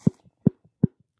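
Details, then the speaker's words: Adult male pro wrestler pops his jaw in and out: three short, dull pops about 0.4 seconds apart, each followed by a fainter tap; he once dislocated his jaw in high school wrestling; jaw popping, TMJ uncertain. "do that again that's fun that's my job jaw popping in and out is that TMJ or is that your brother punching you"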